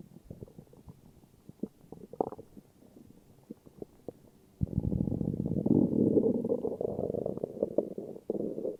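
Soft gurgles and clicks, then a long, loud rumbling growl from the belly: ordinary stomach growling from gas and fluid moving through the gut.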